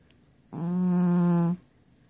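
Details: A sleeping male cat gives one steady, low, humming snore about a second long, said to sound like a fart; the owner states the recording is real, not faked.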